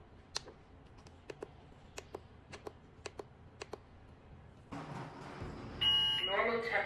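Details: Soft clicks, then a bright electronic beep from an Innotronik K3 Pro voice-broadcast infrared thermometer as it finishes a temperature reading.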